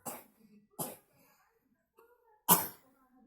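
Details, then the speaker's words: Young child learning to spell, coughing after drinking an iced drink: three short coughs spaced over a few seconds, the last one loudest, in a quiet room. "Kenapa awalnya bisa batuk? Gara-gara minum Es. es. Jadinya batuk."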